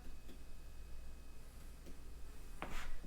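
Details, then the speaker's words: A few soft percussion taps over the abdomen, moving from right lower quadrant upward, of a patient lying on a bed during a physical assessment; hollow, drum-like tympanic note, normal. "And we hear it's the panic and it's normal."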